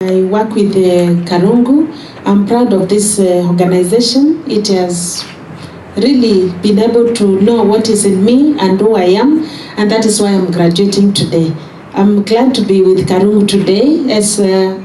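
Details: Adult woman speaking; Typical speech.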